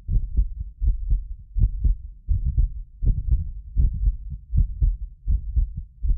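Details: Heartbeat of a medically fit person recorded with several precision contact microphones: steady lub-dub about 80 a minute; occasional doubled clicks come from ~6 ms delay between microphones, not the heart. Normal heart sounds.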